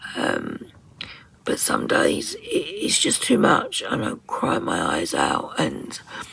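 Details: Adult woman with muscle tension dysphonia (she calls it voice dysphonia): the muscles around her vocal cords are very tight and stressed, affecting her voice and also her swallowing; she attends speech therapy; finding: muscle tension dysphonia.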